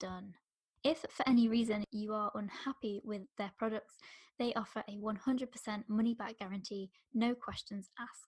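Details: Adult woman; typical speech.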